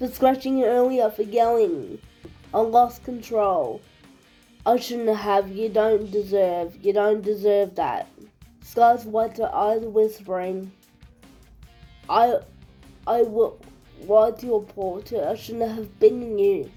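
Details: Speaker with cerebral palsy reading a story aloud, with repeated and restarted phrases; dysarthria.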